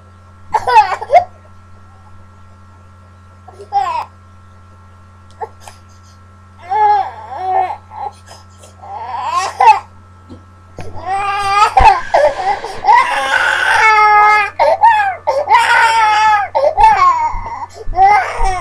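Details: Baby whining and crying to be picked up: intermittent whimpers building to sustained wailing cries with pauses between bursts, infant crying.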